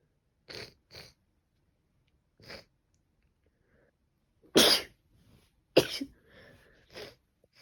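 An adult sneezes twice forcefully, with several smaller sniffs and sneezy bursts around them, typical of allergic sneezing.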